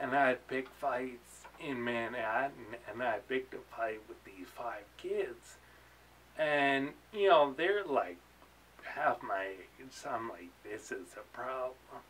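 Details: Adult man with ataxia; articulating takes him energy, worse toward evening, and he slurs when excited; ataxic dysarthria.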